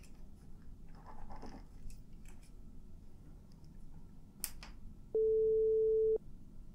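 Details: Simulated audiometry role-play, high and low frequency testing: a steady pure tone lasting about a second over quiet room noise and faint soft sounds; pure-tone audiometry test tones.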